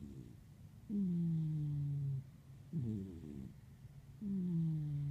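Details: A 26 lb cat snoring while sleeping, making soft, snuggly noises; snoring.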